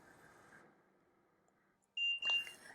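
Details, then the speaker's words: Quiet room, then a brief high electronic beep from a home ventilator after the down and alarm-silence buttons are pressed together to lock the menu; ventilator confirmation beep. "hit the down button and the alarm silence button simultaneously until you hear the machine beep"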